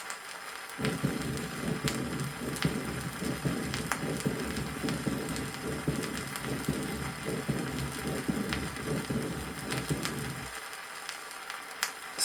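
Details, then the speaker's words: 1963 Soviet teaching record: weakened first heart sound with systolic and diastolic murmurs at the apex in a patient with mitral valve disease. Soft heartbeats are blurred by continuous murmur through the cycle, over heavy record crackle. "прослушайте ослабление первого тона систолический и диастолический шум на верхушке у больного с митральном"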